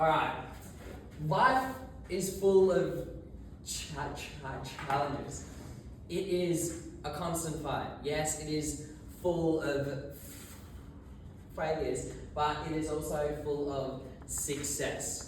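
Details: Adult male who has stuttered since about age 6, giving his first Toastmasters speech while very nervous; stuttering.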